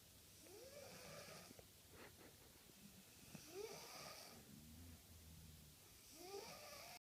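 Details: 10-year-old boy and his dog asleep on a sofa, unclear which is snoring: loud rattling snores with whistling breaths in a small room, a few breaths over several seconds.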